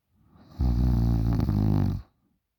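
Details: A 20-year-old girl snoring very loudly during sleep: one long, loud, low rattling snore on a single breath, rising out of quiet breathing; snoring.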